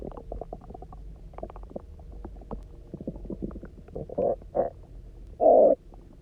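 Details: Resonant, bubbling gurgles building to loud growls from the stomach after eating basically nothing for 24 hours, then drinking a lot of water and lying on the side; hunger borborygmi (stomach growling).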